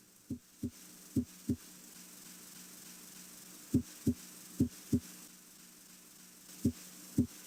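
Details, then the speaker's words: Normal heart sounds at the apex (mitral area): crisp paired lub-dub at about 70 a minute, S1 louder than S2, no murmur. "listen at the apex here at the mitral area s1 is usually louder than s2"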